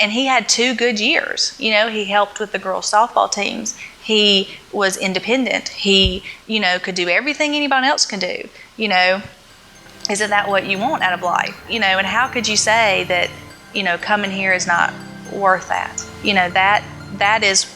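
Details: Adult woman speaking; typical speech.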